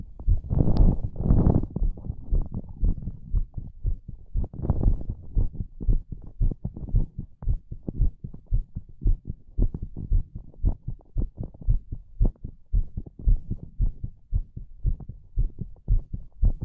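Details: Heartbeat recorded for ASMR: muffled, low thumping, fairly fast at roughly 115 beats a minute, after a couple of louder rustling bumps at the start.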